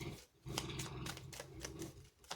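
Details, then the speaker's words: Pet dog sleeping nearby, described as normal: low, rattling snoring rumble with light clicking handling noises in a small room. "si vous entendez ronfler, c'est mon chien hein, qui ronfle. Tout est normal."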